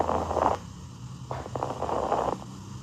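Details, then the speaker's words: Fine crackles (fine rales) on lung auscultation: two breath sounds with brief fine crackling pops, generated by small collapsed airways opening. "Ahora continuaremos con los ruidos pulmonares anormales. Iniciaremos con las crepitaciones finas o estertores finos."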